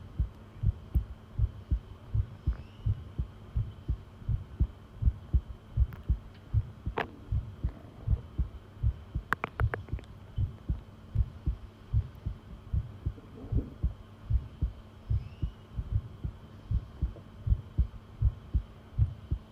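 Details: Steady low heartbeat thumps, about 79 beats a minute, with a faint hum in the background; a long heart-sound recording.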